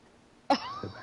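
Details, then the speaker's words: Adult woman's single sudden, forceful sneeze in the background, with a short voiced trailing sound after the burst; it sounded painful. "this sounds like it hurt like you never have those sneezes where it's like oh that hurt yeah that was one of those"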